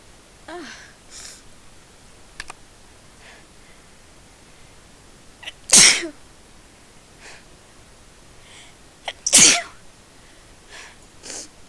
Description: I'm doing this video on a request. I sneezed thrity times in a row.